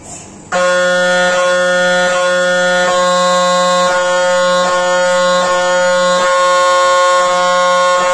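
Loud, steady droning tone with a rapid buzzing pulse that shifts slightly every second or so, typical of an MRI scanner running a sequence.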